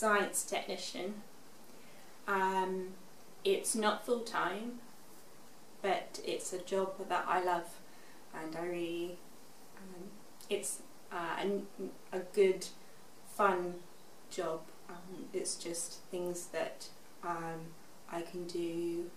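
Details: Expressive aphasia after a stroke at age 18, in a young woman now 24, recorded six years after the stroke; shows her improvement in speech.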